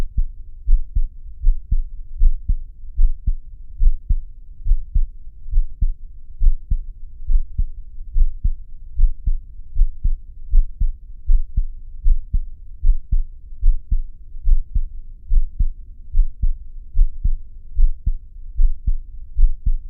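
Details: Field recording of a heartbeat: steady, regular deep thumps at about 74 beats a minute.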